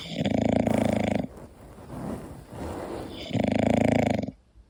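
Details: Sleeping English bulldog snoring: two loud, rattling snores on breathing in, separated by a quieter breath out.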